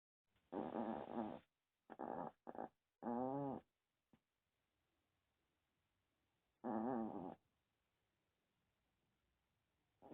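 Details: Irregular nasal snorting and rumbling breaths from a sleeping 20-year-old dog, with quiet gaps between; snoring.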